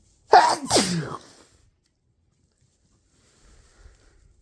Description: we are both uploading a video to see who has the longest sneezes ;)